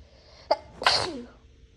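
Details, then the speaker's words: A single sneeze induced with a Q-tip by someone not naturally sneezy, after a cleaning product, probably Clorox, burned the nose: a quick sharp intake, then one loud explosive sneeze trailing off with a short voiced tail. "I'm just going to start inducing, see how strong they are, because my nose burns, but nothing's happening. I'm going to be inducing with a Q-tip."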